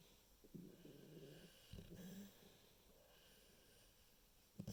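Two low rattling snore sounds on breathing, separated by quiet; ordinary animal snoring in a small room.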